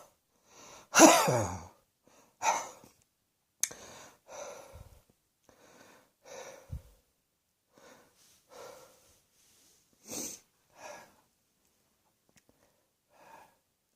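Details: A series of about nine short, breathy cough bursts, the first loud and forceful, the rest softer.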